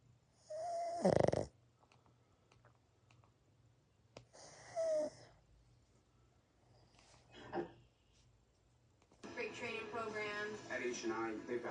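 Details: Three loud snorting snores from a sleeping pug, followed by unrelated talking.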